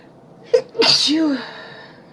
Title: A few nice sneezes for you :)